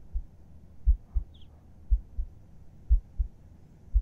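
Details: ASMR heartbeat recording as if heard with the listener's head on the chest at bedtime: soft paired lub-dub beats, steady at about 60 a minute, quiet room; calm resting normal heartbeat.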